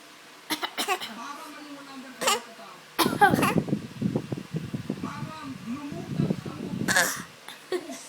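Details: A baby gives several short, sharp coughs mixed with voiced whimpers and fussing sounds.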